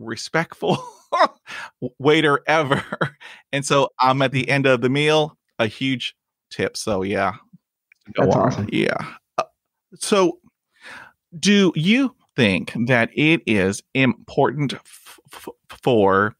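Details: Adult man who stutters, a podcast host; he reports blocks and repetitions in his own speech; stuttering.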